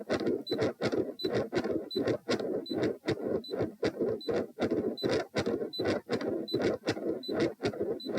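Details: Heart sounds during Valsalva, lying, in a patient with known right-to-left shunt via PFO/ASD; about 79 a minute with a rough whooshing filling the gaps, ECG monitor beeps behind; questioned PDA-like continuous machinery murmur.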